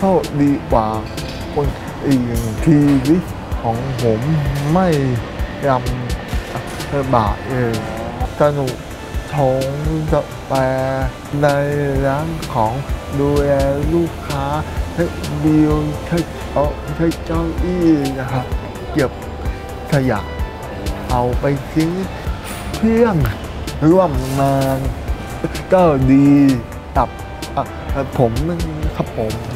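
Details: Male barista who is autistic and hearing-impaired; speech of a deaf speaker.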